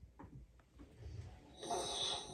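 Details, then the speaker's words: Child with huge tonsils (adenotonsillar hypertrophy) snoring during sleep, with a pause in breathing followed by a gasp; snoring with obstructive sleep apnea. "to the pause you hear that gasp okay so why is this so important"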